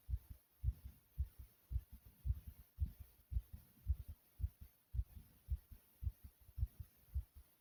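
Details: Recording of own heartbeat, described as fast: steady low lub-dub thumps at a quick rate, about 110 beats a minute; rapid heartbeat.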